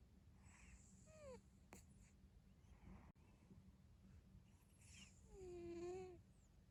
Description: this is yang , my cute cat , this is him snoring while sleeping 😘💕